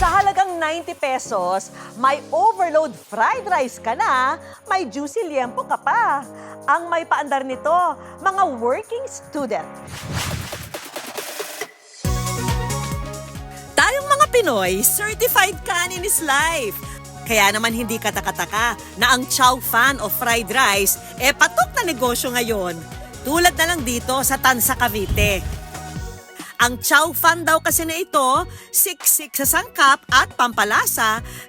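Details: Adult female narrator; normal speech.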